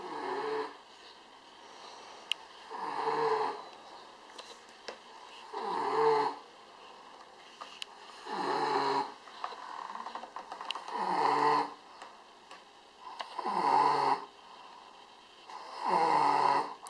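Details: Soft rhythmic snoring, about 23 breaths a minute, each inhalation a brief rattling snore in a quiet room.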